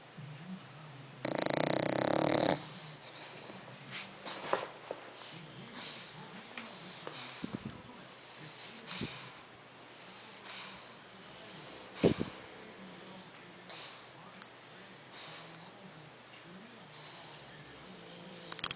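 Soft, rhythmic snuffling snore sounds with each breath in a quiet room, with a brief louder burst early on; ordinary snoring in a sleeping dog.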